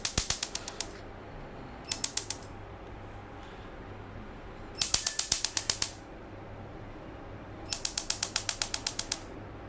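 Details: Laser tattoo removal machine firing on a small tattoo on a man's arm, first of several sessions; bursts of rapid sharp snapping clicks, about four a second, separated by pauses.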